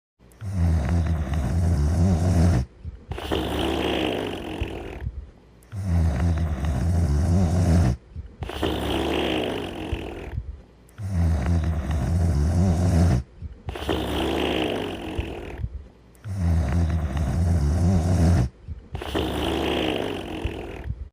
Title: The Dog Crew (TV Series) (1990-1992): Henry Sleeping & Snoring Part 4